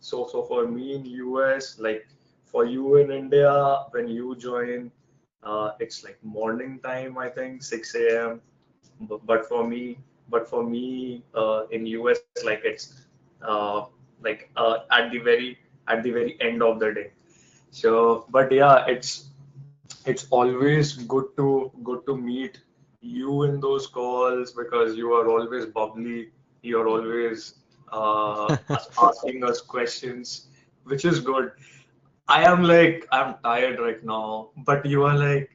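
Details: Adult co-host of a podcast run by people who stammer, himself a person who stammers, repeating words and phrases while talking; stuttering.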